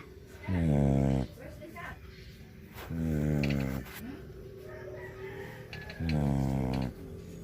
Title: when your dog snore sounds like a boat